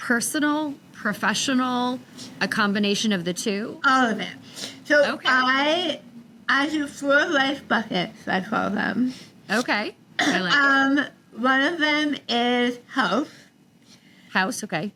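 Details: Adult woman about 3 years after stage 4 tongue cancer treatment: over half of tongue removed and rebuilt with forearm skin graft, neck dissection, 6 weeks of radiation and chemotherapy; altered speech since treatment, sometimes not understood by strangers; articulation disorder after partial glossectomy.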